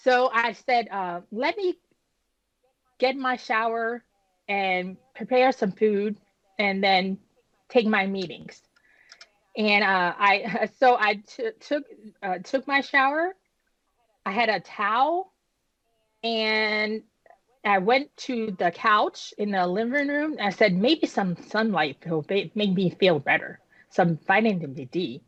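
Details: Adult woman, about 10 years after an ischemic stroke at age 36 that damaged about a third of her brain, including the speech center; initially unable to speak, with right-side paralysis; still recovering, with repetitions and word-finding pauses; post-stroke aphasia with apraxia of speech.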